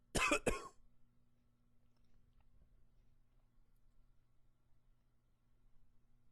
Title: Coughing 27